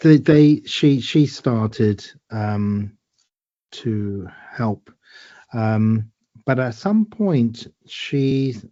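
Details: Woman with aphasia after a stroke eight years ago, helped by speech therapy exercises and home speech therapists; word-finding difficulty with word repetitions and substitutions; aphasia.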